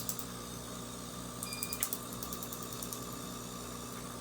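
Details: Rapid, sharp snapping clicks over a steady machine hum as a Q-switched laser fires over a botched microbladed eyebrow tattoo in a patient's second removal session, using a DeScribe PFD patch, during a final extra pass.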